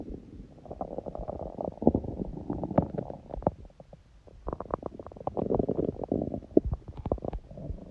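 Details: Hunger stomach sounds, with sneezing: gurgling, bubbling rumbles with clicks and pops in two bursts over about eight seconds; normal hunger borborygmi.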